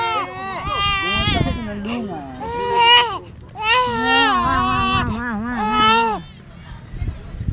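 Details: Loud rising and falling wails in repeated bursts with breaths between; ordinary infant crying.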